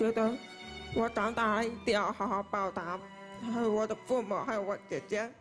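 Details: 23-year-old woman, deaf in both ears since early childhood from medication given for a high fever, unable to speak before learning to speak with a special-education teacher; wears hearing aids that give sound but not words; hearing-impaired (deaf) speech.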